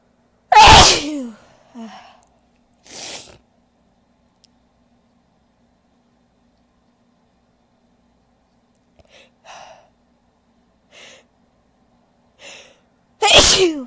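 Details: Woman's big, powerful sneezes: two loud, explosive sneezes with soft breaths between.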